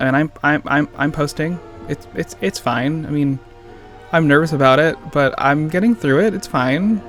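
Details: Stuttering in an adult man who says he has a stutter; the clip contains word and phrase repetitions.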